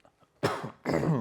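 Two forceful, rough throat-clearing bursts from an adult, with quiet room noise before them.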